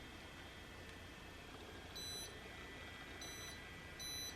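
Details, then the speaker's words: Short high electronic beeps every second or so over a steady cooling-fan hum: DermRays V8S home diode laser hair removal device firing pulses on the upper lip, after over three months of use. "I'm going to just treat the upper lip area to get rid of those chin hairs."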